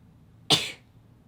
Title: sneezing2 short HD